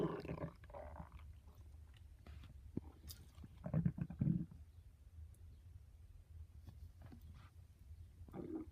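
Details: Very loud stomach growling: quiet low rumbling with a few louder gurgling growls; normal borborygmi.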